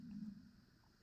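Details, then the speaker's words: Adult's stomach rumbling (borborygmi) early in the morning before eating: a low, gurgling rumble lasting about a second, loudest at the start and then fading. "Did you guys just hear that? That was my stomach. Hungry much? It's early in the morning. I haven't eaten yet."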